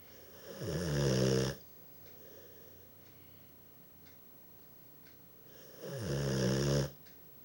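Two loud, low, rattling snores about five seconds apart with quiet breathing between, roughly twelve breaths a minute; snoring.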